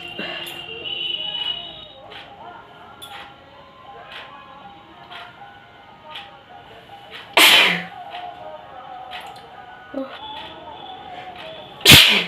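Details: Two sudden, sharp sneeze bursts during a sneezing challenge, over background music.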